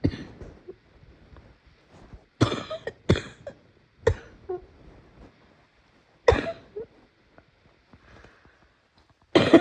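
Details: Person who is sick with a painful cough: five harsh coughs over about ten seconds, with strained breathing and throat sounds between them.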